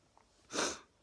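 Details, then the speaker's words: A grey-haired adult who says they sneeze every day and had a few beers, after an earlier bad sneezing fit: a single short, hissy, explosive sneeze. "friday night i've got a few beers so maybe that's why i'm sneezing as well it's crazy isn't it every time i sneeze i'm looking for reasons"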